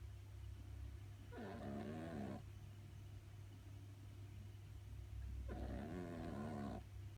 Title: Exotic kitty Sophie snoring